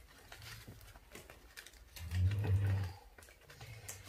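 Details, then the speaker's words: Background snoring from a sleeping pet dog during indoor crafting; dog snoring. "désolé vous entendez ronfler c'est mon chien"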